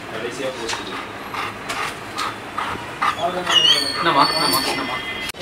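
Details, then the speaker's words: A dog with kennel cough (canine infectious tracheobronchitis) gives a rapid run of harsh, dry, honking coughs. "Symptoms can include a harsh, dry cough, retching, sneezing, snorting, gagging or vomiting in response to light pressing of the trachea or after excitement or exercise."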